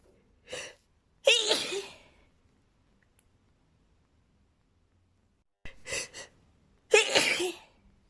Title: sneezing with buildups!